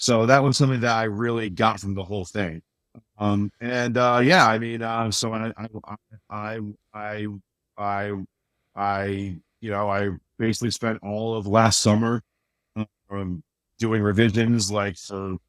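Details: Adult male with a speech impediment since childhood, much worse then and greatly improved, still slightly audible; speech impediment with stutter-like disfluency.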